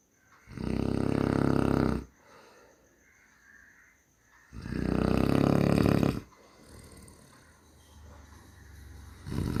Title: மனிதனின் குறட்டை ஒலி | குறட்டை சத்தம் | Snoring sound